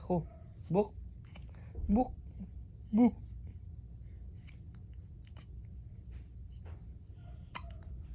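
Four brief, abrupt voiced hics about a second apart, over low room hum; hiccups.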